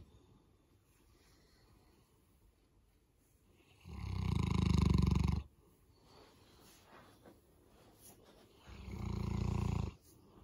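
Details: Boerboel, a large dog, sleeping in on a Monday morning and snoring: two long, loud, low rumbling snores separated by quiet pauses.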